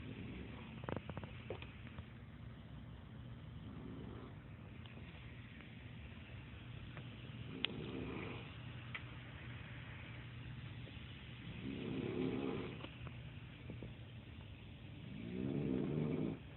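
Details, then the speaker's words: Grandmother snoring very loudly: loud, rough snores repeating about every four seconds over a steady low background hum; snoring. "She snores fucking loud."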